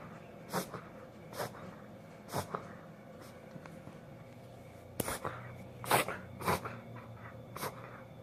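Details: A dog makes short, irregular snorting bursts through the nose during a reverse sneezing episode.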